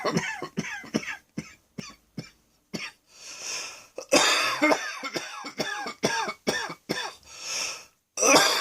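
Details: Afternoon coughing with wheezing: a run of about a dozen repeated harsh, wet-sounding coughs with brief pauses and breaths between; a productive cough clearing mucus.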